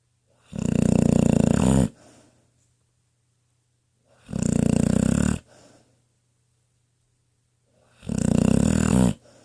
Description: This is Trauma(10yr old pitbull) in her cozy bed having a dream and snoring away.